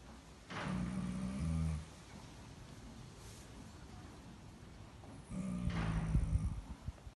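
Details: Horse snoring: two deep, rumbling, fluttering snores several seconds apart over faint background noise.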